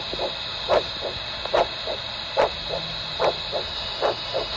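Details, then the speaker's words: Normal arterial Doppler signal from a handheld Doppler while monitoring a free flap: rhythmic pulsatile whooshing at about 71 a minute, the sound of good arterial flow. "Now, this is what good arterial flow sounds like."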